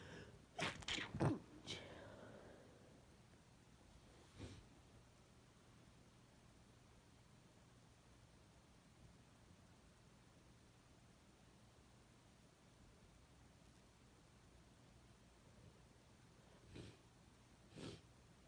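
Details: Person with a head cold, very congested and sensitive nose, inducing sneezes: a burst of two or three quick sneezes with a snort, then quiet, sniffs and small nasal bursts; sneezes with nasal congestion.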